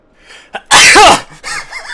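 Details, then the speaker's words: Single sneeze during a live stream: a short breath in, then one loud, forceful, explosive sneeze, followed by brief surprised voices. "did you just hit your head on the desk i wasn't expecting a sneeze like that"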